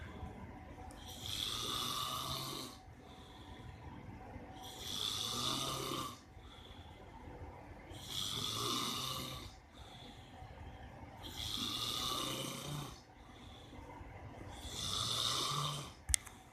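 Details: Father snoring in sleep: regular rough, rattling snores on each breath in, about 18 breaths a minute, with quiet breathing out between them.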